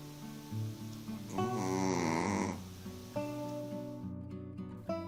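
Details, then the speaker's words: Snoring from a Shih Tzu sleeping on its back like a person, with loud, human-like snoring sounds. "딱 봐도 사람처럼 떡하니 누워서 자는 시추 아니 그런데 이건 무슨 소린가요 와 포도는 소리도 사람 못지 않네요"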